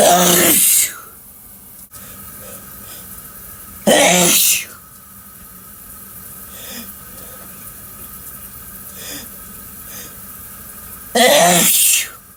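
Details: Three loud, forceful sneezes a few seconds apart, taken in the shower over running water; sneezes.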